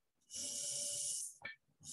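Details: Hissing suction whooshes cycling about a second each with short bursts between: a Hygeia Evolve cordless single-user electric breast pump in expression mode at full pressure, slowed cycle speed.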